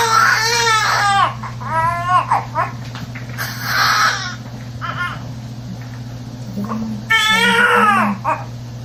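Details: Newborn baby boy, a second child, delivered at 9:38: strong, high-pitched crying in bursts with short pauses and whimpers, with quiet room hum behind.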